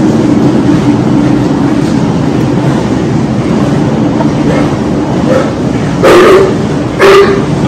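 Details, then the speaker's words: Finishing pigs in an Iowa barn during an Actinobacillus pleuropneumoniae outbreak, many down, dog-sitting with cyanosis and lethargy; deep hacking cough suggesting disease rather than ventilation failure; porcine pleuropneumonia. "if I didn't hear the cough maybe I would think there's something like ventilation failure but that deep packing cough was really indicative to me of disease"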